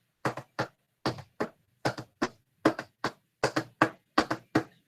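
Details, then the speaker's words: Heart sounds in a three-beat galloping pattern, about 75 cycles a minute, like a galloping horse, described as heard in heart failure patients, who are usually tachycardic: gallop rhythm. "como usualmente están taquicárdicos porque están intentando retratar el gasto cardíaco con taquicardia entonces se escucha como un caballo galopando literalmente"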